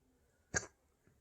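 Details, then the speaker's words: Hiccups from a baby, several in a row. "yeah that was another hiccup you could just stop them now"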